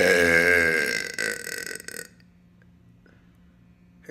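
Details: Man burping in a hotel room: one long, loud, voiced belch of about two seconds, fading into quiet room hum.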